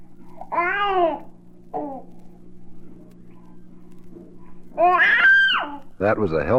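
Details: Infant babbling, from a 1967 recording of baby sounds for expectant and new parents.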